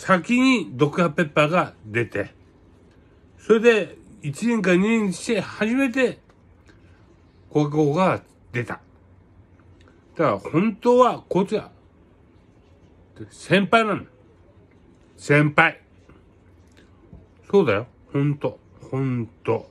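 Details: Aphasia following a cerebral hemorrhage, with hemiparesis; conversational speech.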